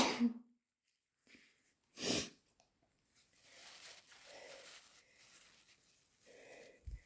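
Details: Two forceful, explosive sneezes followed by quieter breathing and nasal noise in a small room; sneezing.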